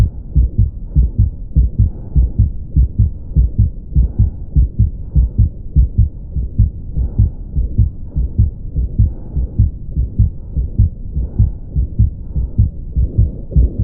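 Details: Ventricular septal defect murmur: rapid regular heartbeat near 100 a minute with a harsh continuous murmur filling the beats, from a murmur sound compilation.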